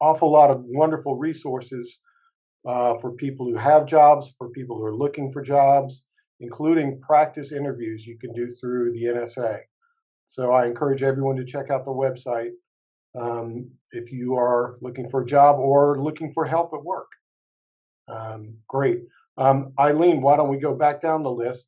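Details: Adult speaker; fluent conversational speech.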